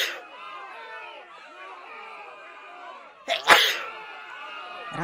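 Crowd chatter in the background, then one sharp explosive burst from an in-breath and blast of air, a single sneeze.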